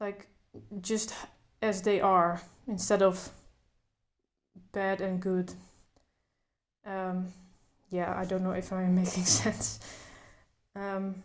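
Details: Adult woman who stutters, speaking without trying to control her stutter, including blocks; stuttering.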